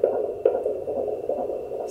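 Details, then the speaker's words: Rapid, regular whooshing pulses at about 140 a minute on a home Doppler, almost double the mother's own heartbeat heard just before; a normal fetal heartbeat on Doppler. "you can hear that it's much faster that's me that's him again"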